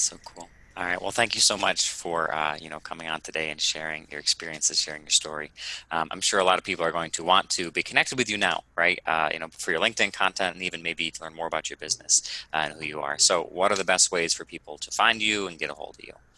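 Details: Adult male speaker; ordinary fluent speech.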